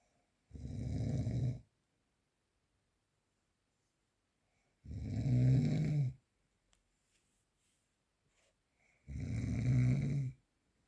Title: The sound of - snoring during sleep